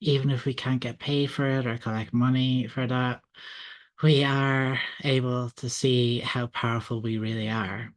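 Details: Adult man, self-identified person who stutters and stuttering advocate, speaking at a public event; stuttering.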